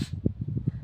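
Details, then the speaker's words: A horse sneezes loudly in the background: a brief, low, fluttering snort of rapid rumbling pulses through the nostrils. "that was lucky sneezing in the background if you can't hear that I don't know if you can it was quite loud"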